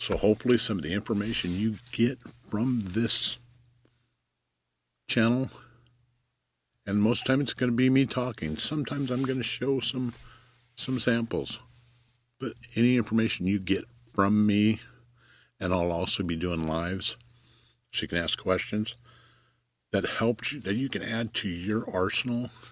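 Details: Stuttering in an adult man, self-reported; long pauses and fragmented phrases heard.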